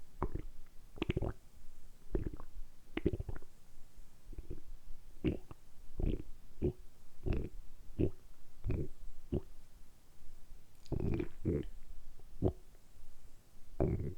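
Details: Stomach rumbling made on purpose by an adult man working his abdominal muscles; repeated short gurgling rumbles, about twenty in fourteen seconds, ordinary borborygmi.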